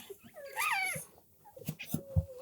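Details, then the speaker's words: Newborn German Shorthaired Pointer puppy gives a strong, high, wavering cry that helps clear her airways: strong newborn puppy cry. "She's crying nice and strong. That'll help clear her airways as well."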